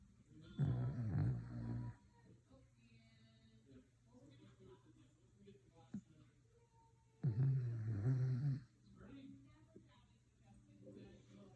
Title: Listen to this dog snore ￼